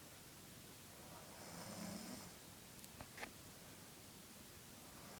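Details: Sixteen-year-old brother snoring during sleep: a single soft, low rattling snore over steady room hiss, followed by faint clicks.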